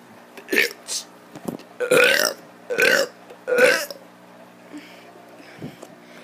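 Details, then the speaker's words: Child doing a string of about five loud, deliberate, voluntary belches in a quiet room; burping. "what is up i'm gonna be doing a burp video finally finally"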